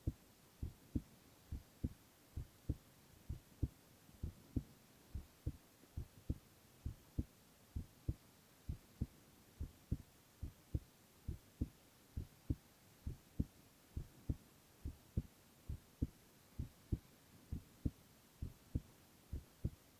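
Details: Male heart-sound recording with no speech: steady paired heart thumps at about 67 beats a minute; normal resting heart sounds.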